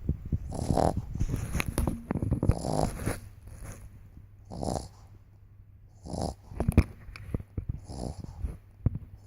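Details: Sleeping dog snoring: rough, rumbling snores and snorts repeating about every second, with some rustling.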